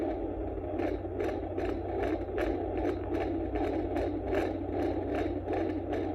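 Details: Woman 17 weeks pregnant using a Neeva Baby home fetal Doppler: rapid, regular whooshing pulses at about 145 a minute, the fetal heartbeat.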